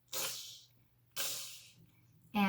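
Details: Acted demonstration of a lateral lisp, tongue flattened so air escapes at the sides, affecting 'ch' and 's'; lateral lisp.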